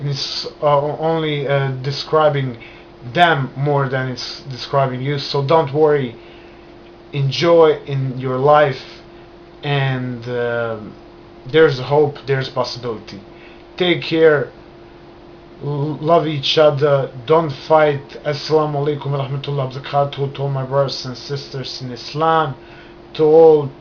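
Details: Adult man who has stammered since childhood, beginning after a trauma; he still stutters and controls it with hand movements and breathing; stuttering.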